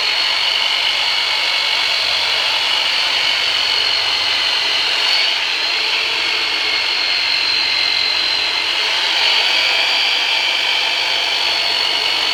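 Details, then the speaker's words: Percussive massage device used for deep tissue work during chiropractic treatment of persistent low back pain after L5 herniated disc surgery and ineffective epidural steroid injections: continuous high motor whine with steady buzzing. "we're going to use the turbinator on you for the very first time so just it's going to be some deep tissue work so just breathe and relax"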